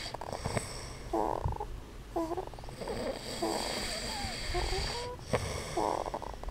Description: family video of Daddy and baby snoring together